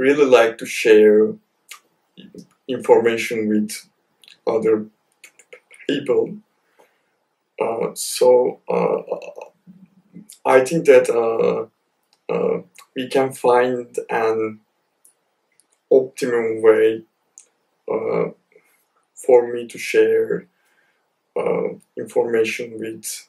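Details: Stuttering (stammer) with blocks and pauses in an adult male PhD student who describes his stammer as heavy.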